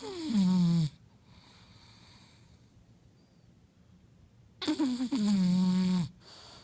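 Two loud, long, rattling, groaning snores with a quiet pause between; heavy snoring in a flat-faced dog.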